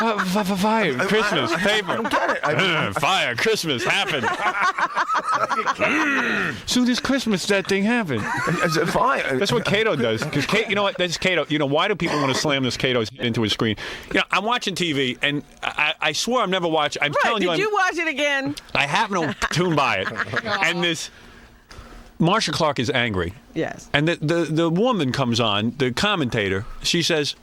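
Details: Adult men in conversation; typical speech.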